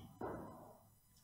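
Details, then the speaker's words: Brachycephalic dog: a single low-pitched, rattling snort of breath, nasal stertor, as distinct from laryngeal stridor. Example from a lecture on brachycephalic obstructive airway syndrome (BOAS) functional grading. "then this is also stirter but it's nasal stirter so it's low pitched again"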